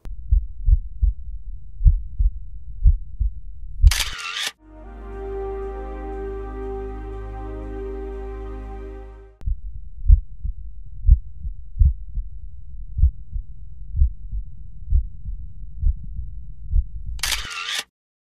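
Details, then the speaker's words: Heard over the aortic and pulmonary foci during deep inspiration then expiration in a teaching demonstration: heart sounds at about 60 a minute on either side of a steady tone; audible splitting of the second sound into aortic and pulmonary components. "los dos picos del registro correspondientes al segundo ruido cardíaco muestran los dos componentes aórtico y pulmonar del ruido"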